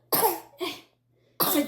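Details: Three short, harsh coughs from a child in a quiet room; the child is coughing and trying to speak.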